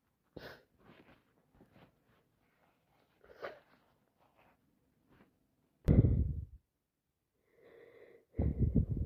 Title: Allergies in full , just bought some flowers and can't stop sneezing